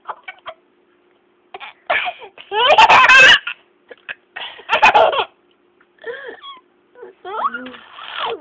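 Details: An adult mother's abrupt, loud hiccups are answered by bright infant laughter: ordinary hiccups.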